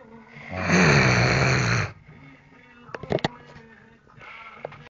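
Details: Indian person snoring: one loud, harsh, rattling snore of about a second, followed by quieter clicks and background noise; snoring.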